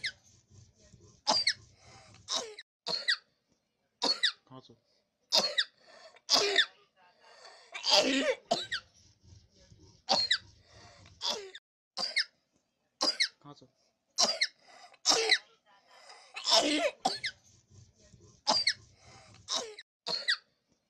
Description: 4-year-old boy with whistling cough found with toy whistle in his lung